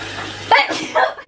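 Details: Person with COVID sneezing, among coughing and nose blowing; a single sharp, explosive burst of air after a short intake; sneeze.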